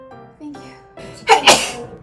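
An acted sneeze: a rising voiced intake, then a sharp, explosive double burst of air, with soft background music. A sneeze, staged as part of a hay fever skit.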